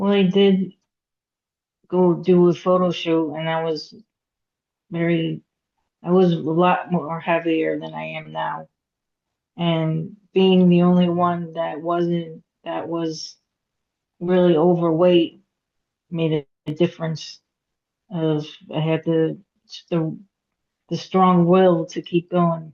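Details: Aphasia in a woman after a hemorrhagic stroke at age 36 in September 2018; she could not talk for 2 years and had 2 years of speech therapy. She still has trouble getting her point across, reading and writing.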